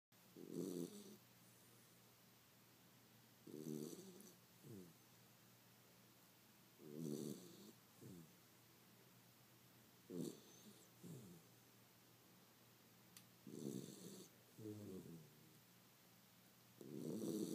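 Soft, regular snoring breaths, roughly 18 a minute, each a low rattling inhale followed by a brief exhale, from a sleeping dog.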